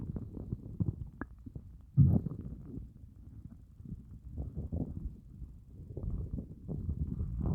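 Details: Stomach growling after a fast of over 30 hours: low, groaning, gurgling rumbles with a louder burst midway; hunger borborygmi, a normal bowel sound.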